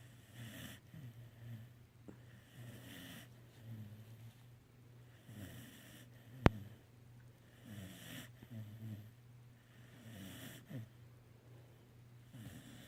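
Low rattling snores with each breath in and softer breaths out, about 15 breaths a minute, with a faint hum in the room; ordinary snoring.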